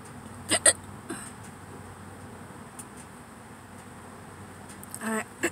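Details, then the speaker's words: An adult with hiccups in a parked car before eating, hiccuping and burping together: a few sharp, abrupt hiccup sounds against quiet background noise. "I think hiccups and burps at the same time so weird"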